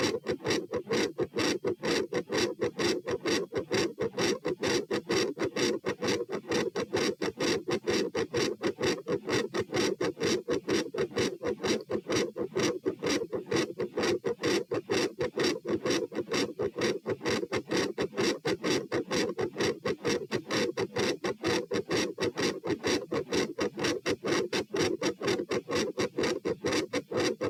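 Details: Heart sounds at position P while going from sitting to standing, rate rising from 96 to 132 bpm: rapid, regular, loud and fast S1 with a scratchy S2 murmur; postural tachycardia.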